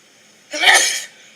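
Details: Sneeze while recording: a single loud, hissing, explosive burst of air lasting about half a second in a quiet room.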